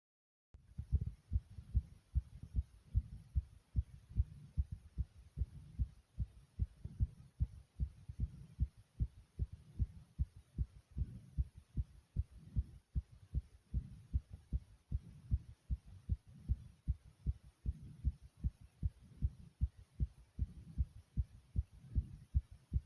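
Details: Rapid, regular low thumping of the recorder's own heartbeat, at roughly 150 beats a minute, described as beating really fast: fast heart rate (tachycardia).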